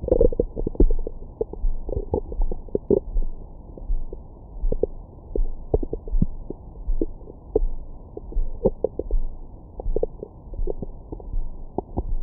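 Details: Stomach growling recorded over the belly with a Stemoscope stethoscope microphone after a large meal: frequent soft gurgles and brief squeaks over a low rumble; active bowel sounds.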